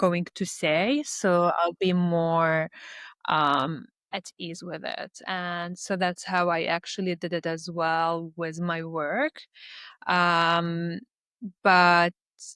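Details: Stuttering in an adult Lebanese woman who speaks three languages.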